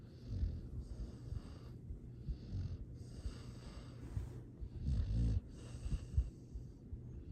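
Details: Foster rescue dog sleeping; soft, low rumbling snores with occasional snorts; sweet, happy, ordinary snoring.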